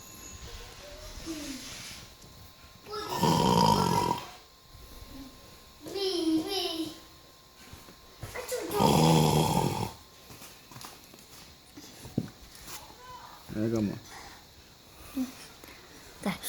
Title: Funny video: baby cry when someone is snoring.